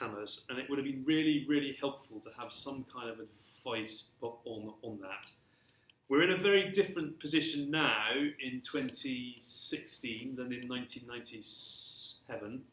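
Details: Stammering (stuttering) since early childhood, persisting throughout his career, in an adult male civil servant.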